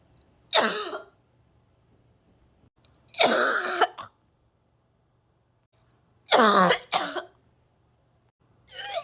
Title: coughing gagging